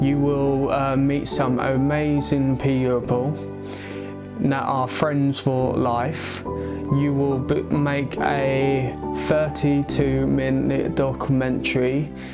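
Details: Adult male who has stammered since age eight; he links it to a skull fracture from a baby-walker fall at age three or four. It worsens under stress; treated with speech therapy and an intensive Michael Palin Centre course. Stuttering.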